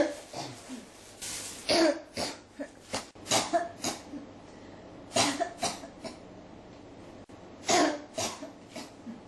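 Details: Persistent, non-stop coughing: about ten short, dry coughs in clusters over nine seconds with quiet gaps.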